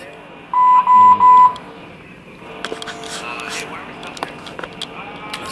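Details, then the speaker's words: Three loud, even electronic beeps from bedside monitoring equipment, then quieter room and handling noise, during labor with contractions; monitor alarm. "so we'll see what's going on let me figure out why this keeps beeping"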